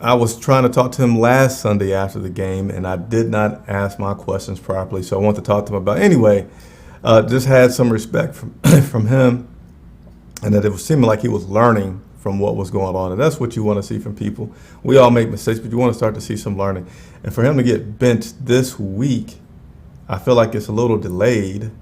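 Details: Stuttering in an adult male who acknowledges his own stutter.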